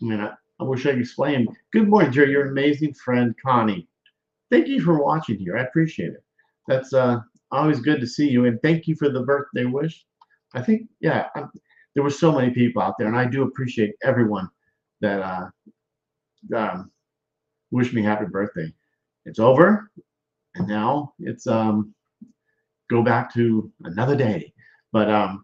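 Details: Adult male speaker; aphasia after stroke.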